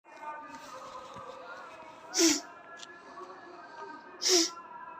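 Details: Two sharp sneezes about two seconds apart after Jal Neti nasal rinsing during a yoga session, over background television or music.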